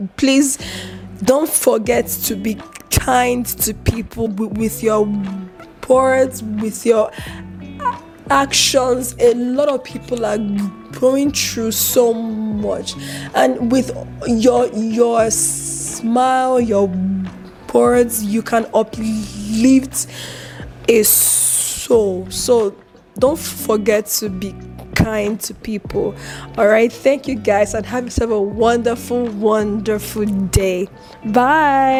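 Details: Stuttering in an adult woman with a chronic stammer, who reports eye twitching and unusual mouth movements when she stutters and says she controls it by gesticulating and taking deep breaths.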